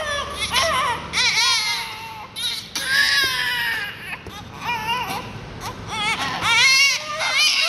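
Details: Twin newborns born at the same time to the same mother, around suctioning: high, rising and falling wails with short breaths between, at times overlapping; ordinary newborn crying.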